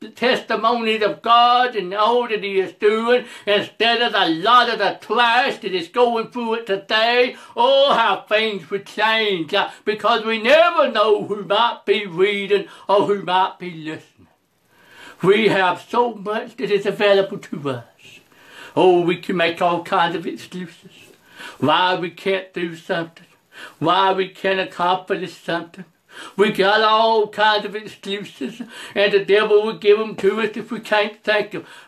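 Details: Preacher who says he has a speech impediment, along with other disabilities including trouble seeing and hearing and being unable to drive; speech impediment.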